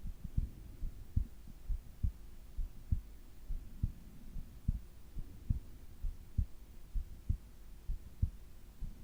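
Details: Heart and breathing sounds recorded during sleep: soft, regular low thumps at about 66 a minute over a faint hum; a normal resting heartbeat.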